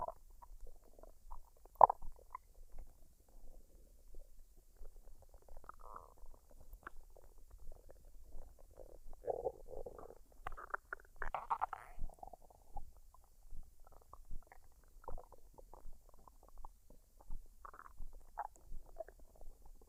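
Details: Woman's stomach digesting a dinner of fried rice and duck, unedited with no artificial sounds or talking: soft, scattered gurgles, squeaks and pops over a quiet background. Normal bowel sounds (borborygmi).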